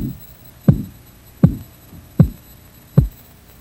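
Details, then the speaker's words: Training example for learning blood pressure by auscultation: regular low tapping thumps at about 79 a minute, Korotkoff sounds. The first sound heard marks systolic and the last marks diastolic pressure. "Remember, the first sound you hear is the systolic pressure, and the last sound you hear is the diastolic pressure. Record these numbers."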